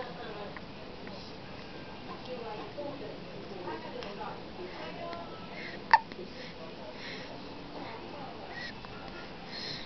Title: Baby @ 9 days old with hiccup